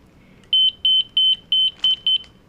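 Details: Zoll M Series biphasic defibrillator monitor switched on with pads placed on right chest and left side under armpit: a series of six short, high-pitched electronic beeps at a steady pace.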